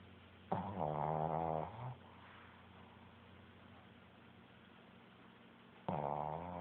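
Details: Chewy, a Shih Tzu dog, snores loudly with a rattling sound on the in-breath, a quiet pause, then the next snore. Snoring.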